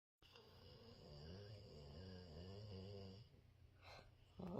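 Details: Pet sleeping with its tongue hanging out, snoring.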